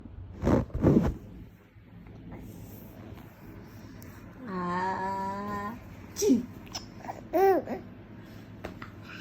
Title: 4 month baby laughs on mom’s Sneeze